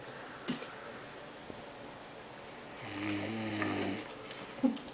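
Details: Man who claims he never snores, filmed snoring by roommates: a single loud, buzzing snore on an in-breath, quiet room noise around it.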